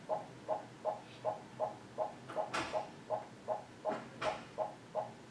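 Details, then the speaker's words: Fetal heart rate rising into an acceleration during a reactive non-stress test on a fetal monitor; baseline in the 140s with average variability of six to twenty-five beats. "you can hear the heart rate go up and now you see a fetal acceleration"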